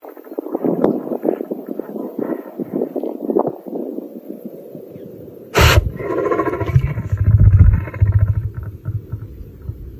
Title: #shorts A sneezing Lion will never get old!!! #animals